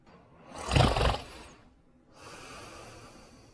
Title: Underdog Sleeping & Snoring in 41 seconds